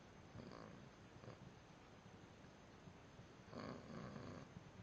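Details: Soft, low, rumbling breaths during sleep with a few louder snorting pulls on the in-breath: gentle snoring.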